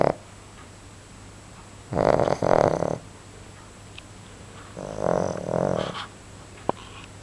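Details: A sleeping dog snoring like a little bear: low, rumbling bursts about every three seconds in a quiet room.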